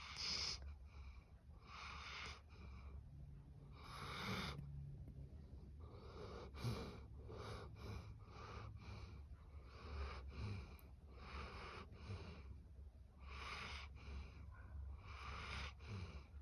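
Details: Goldendoodle dog snoring in sleep: repeated snorting, wheezy breath noises in a steady rhythm over a low background hum.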